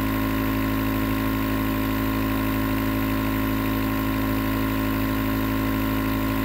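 Steady mechanical hum with a rapid pulsing buzz, the continuous motor noise of a running nebulizer.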